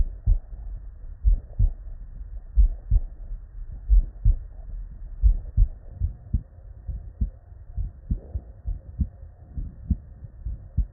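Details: Real, unedited human heart sounds recorded at the bedside from patients with normal cardiac physiology: steady paired lub-dub beats through a stethoscope, clear S1 and S2 with no added sounds.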